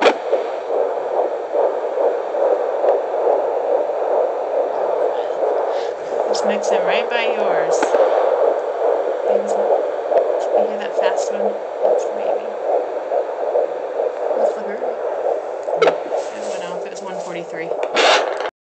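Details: Fetal heartbeat at 12 weeks of pregnancy on Doppler: rapid, rhythmic whooshing pulses through steady hiss, heard briefly at start and again later as baby moves; earlier rate noted as 143.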